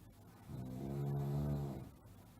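A single low, droning snore on the in-breath, rising and fading over about a second and a half, from a sound-effect recording.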